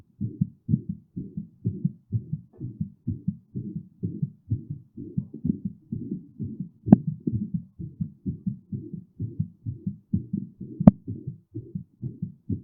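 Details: Heart sounds during and after physical exertion: fast, regular, low thumping heartbeat at about 135 to 140 beats a minute with two brief clicks; rapid heart rate from effort.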